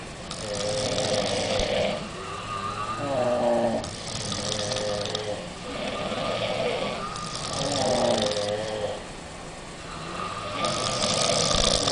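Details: Rhythmic rasping snores at about 16 breaths a minute, overlapping from more than one sleeper, from a group of five girls on holiday, after a nightclub and alcohol; snoring.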